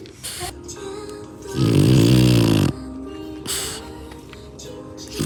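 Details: Sleeping bulldog gives one loud, low, rattling snore lasting about a second, over background music: snoring.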